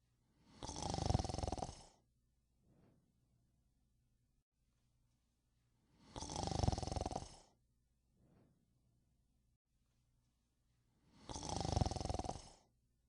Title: is ACTUALLY snoring